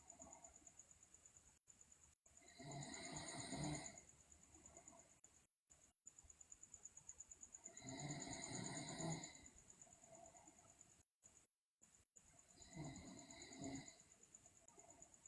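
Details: Loud, rough snoring on breaths roughly every five seconds over steady background hum and clicking noise; sleeping girl snoring.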